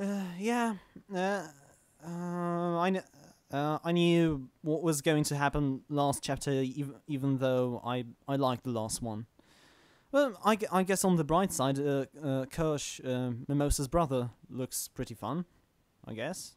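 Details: Male podcast host who stammers, recording standing up in a new setup to see whether he stammers more or less; stuttering.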